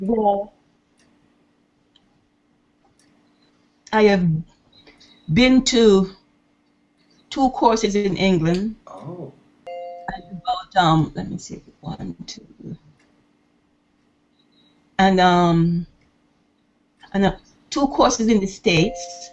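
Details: 68-year-old woman who has stuttered her entire life (over 60 years), recorded before private intensive speech coaching, having tried nine courses; stuttering.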